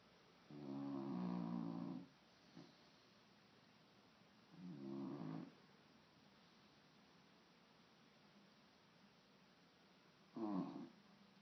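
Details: Puppy snoring loudly during sleep, described as typical for him: three soft, buzzing snores over about 11 seconds in a quiet room.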